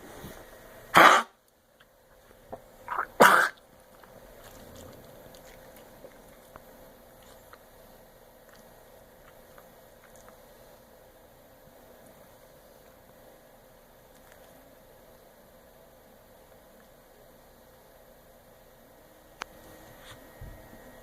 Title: kennel cough